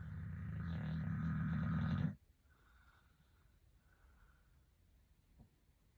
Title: Loudest snoring ever!!!!!